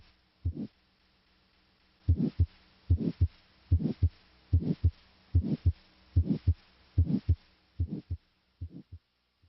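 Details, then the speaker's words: Carotid bruit heard with the stethoscope diaphragm over the carotid artery while the patient holds their breath: regular pulsing vascular whooshing murmur-like sound at about 73 per minute, suggesting arterial narrowing. "listen for a bruit which is a whooshing murmur like sound of vascular rather than cardiac origin a bruit suggests arterial narrowing if present a bruit would sound like this"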